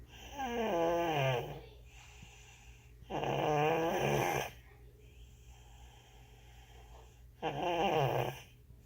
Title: Snoring Baby